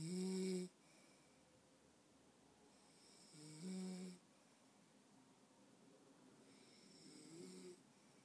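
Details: Snoring during sleep: three tonal snores a few seconds apart, about 17 a minute, in a quiet room.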